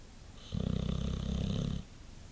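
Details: White boxer dog asleep after a long day: a single low, rattling snore on a breath of just over a second in a quiet room; ordinary dog snoring.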